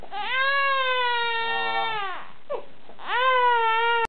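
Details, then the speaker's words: Infant girl crying during modified tummy time: sustained wailing in two long bursts with a brief catch of breath between; an ordinary fussy cry. "and then I think she realized that she got tricked into this modified tummy time still screaming bloody murder it's okay sweetie"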